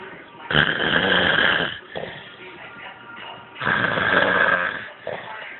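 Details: Overweight man snoring after too much work: two loud, rough, rattling snores on the in-breath about three seconds apart, each followed by a quieter out-breath.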